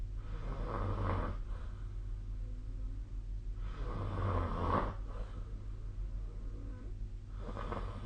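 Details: A sleeping adult, recorded with a snoring app, gives rough, rattling snores about every three and a half seconds over a steady low hum.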